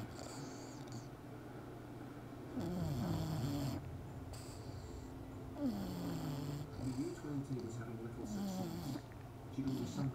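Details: Herschel, a bulldog puppy, deeply asleep after a day at the dog park: loud, rough, rattling snores with whistly wheezy tones in irregular bursts; heavy snoring.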